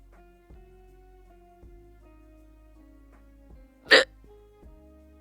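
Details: One sharp, abrupt involuntary hiccup over soft background music, from a streamer hiccuping for about 1.5 hours, describing them as painful, while trying remedies; arms feel numb and sweating after one attempt.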